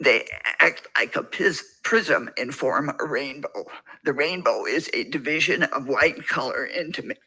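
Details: Hyperfunctional dysphonia with suspected spasmodic dysphonia; patient reading the Rainbow Passage before therapy; this case later received a course of Botox alongside continued voice therapy.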